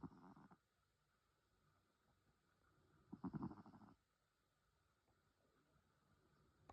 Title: Penelope Snores